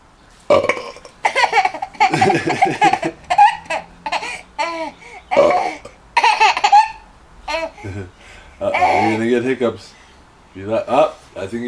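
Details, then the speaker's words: Several loud belches from a father, with his baby laughing in between: burping. "Laughing at my burp."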